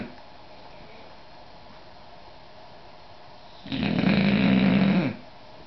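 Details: English Bulldog taking an afternoon nap: one loud, rattling, buzzing snore after quiet breathing, typical of a flat-faced dog. Snoring.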